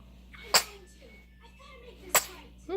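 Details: Five-day-old baby sneezing: two abrupt, explosive sneezes about a second and a half apart, with soft background music and faint voices.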